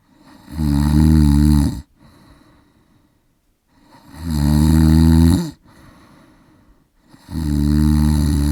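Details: Adult man sleeping with heavy snoring: loud, rattling, deep snores on each breath in, about 18 breaths a minute, quieter breaths out between, recorded with a Zoom H4n.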